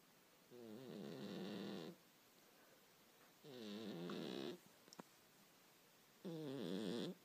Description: Kater schläft und schnarcht